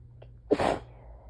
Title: Mercilessly teasing sneezes (2/4)